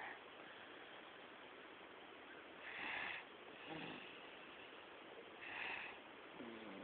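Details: Baby girl snoring while asleep: soft, rhythmic snoring, roughly two breath sounds in seven seconds, over a steady background hiss; snoring.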